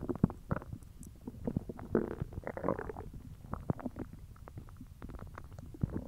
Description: I know this video is a little short but I do plan on uploading a longer video within the next day or two, anyways here’s my hungry belly!